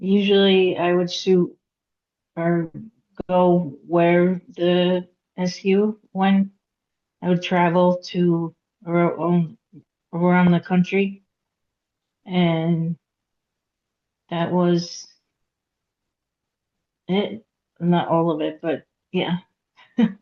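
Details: Aphasia in a woman after a hemorrhagic stroke at age 36 in September 2018; she could not talk for 2 years and had 2 years of speech therapy. She still has trouble getting her point across, reading and writing.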